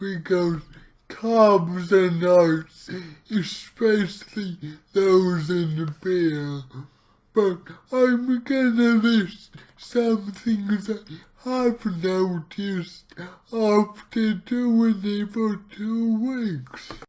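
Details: Dysarthric speech from his own cerebral palsy, while trying a keto diet; heavily distorted speech.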